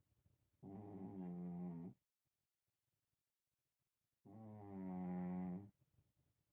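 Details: Two slow, rumbling snores from a sleeping cat, each about a second and a half long, separated by quiet pauses; ordinary snoring.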